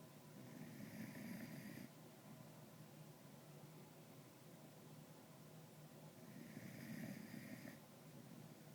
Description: Callie sleeping in my lap snoring